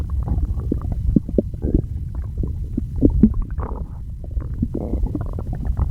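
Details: A girl's stomach makes continuous low gurgling and bubbling growls with irregular pops, which she says she can't get under control: loud stomach growling (borborygmi).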